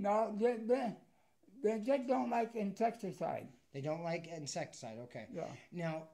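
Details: Adult man described as having a speech impediment and as partially deaf in both left and right ears; speech impairment associated with hearing loss.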